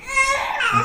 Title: Baby crying #frist #viralvideo #babyfathervlog #trending #baby #cutebaby #cute #youtubeshorts